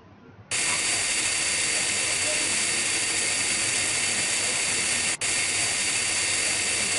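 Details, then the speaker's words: Loud continuous high-pitched hiss and whine of a high-speed dental drill, briefly stopping once, fissure bur tilted about 5° to cut under the cusps for retention form in a Class I amalgam cavity in a lower first molar. "they should be converged ocus about 5° this is done by tilting the Fisher [Music] B and and cutting under the cusps"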